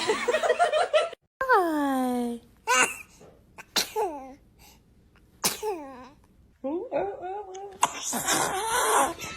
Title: Newborn sneezing 🥰🥰 #baby #family #sneezing #cute #funnybaby